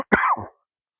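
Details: Adult gardening outdoors with allergies and stuffiness: a single short, harsh cough that trails off quickly.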